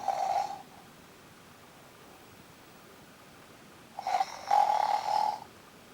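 Two bursts of steady, rattling tonal noise on breathing, separated by quiet; a pet's snoring.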